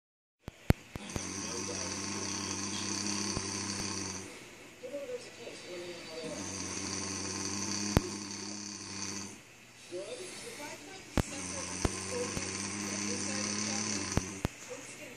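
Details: Snoring while asleep: slow, loud, rattling breaths repeating about every five seconds, with quieter breathing between and occasional clicks.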